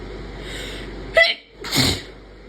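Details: A sharp intake then a single explosive sneeze over faint background hum; a deliberately induced sneeze.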